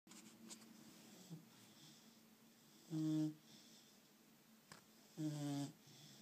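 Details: Two loud, droning, tone-like breath sounds a couple of seconds apart in a quiet room, with a whistling, wheezy quality; snoring.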